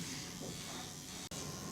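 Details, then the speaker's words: Soft, steady electric buzz of a skin-needling pen working at 0.5 over hydrating serum on a model's face, moved in the direction of lymphatic drainage, with a brief dropout near the end. "when I'm doing skin needling I always have the pen the same direction is the lymphatic system because Annie drainage or helping with the lymphatic system is always good for the skin"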